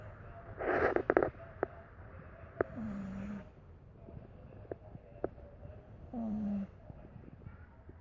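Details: Sleeping pocket bully puppy snoring: short snorting snores with a whistling tone and scattered clicks over low background noise, consistent with a narrowed airway.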